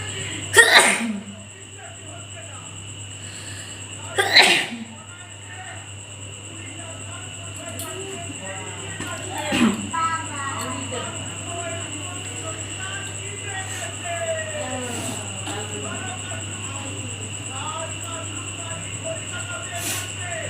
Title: Nose sneezing and blowing challeng part 2//Requested video